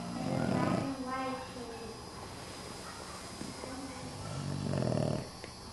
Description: Oscar, our snoring boston terrier curled up in the kids' halloween costumes